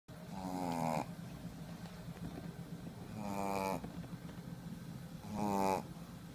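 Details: Female shih tzu dog snoring in sleep: three loud rattling snores, each with a whistling tone on the in-breath, against steady low background noise.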